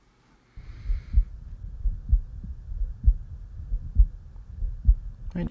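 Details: Stethoscope over the neck, patient's head turned to one side with breath held: regular soft low thuds about 65 a minute, no added whooshing; normal carotid auscultation.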